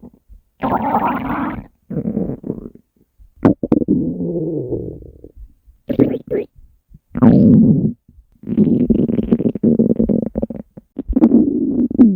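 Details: Hunger stomach growling (borborygmi), compiled from three years of recordings of the uploader's own stomach: long, low gurgling and rumbling growls with bubbly crackle in several drawn-out runs, a normal sound of gut movement.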